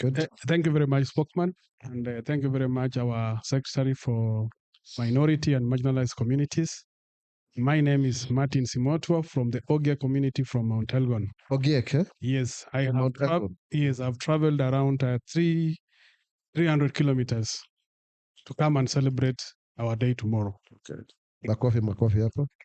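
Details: Adult male speaker; normal speech.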